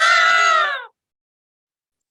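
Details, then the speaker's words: Voiced imitation of a polyphonic wheeze, as heard in young children's small airway obstruction: several musical pitches sounding together, falling slightly, lasting about half a second. "when you have a polyphonic piece I will mimic it for all of you one of you can type me in chat box whether you could hear a polyphonic means and this is how the bees is heard"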